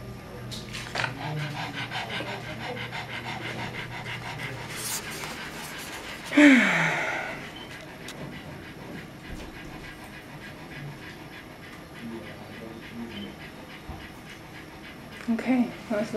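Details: Rapid, steady panting from a dog (Crockett) at the vet after coughing for over 5 minutes during and after an X-ray; diagnosed with kennel cough.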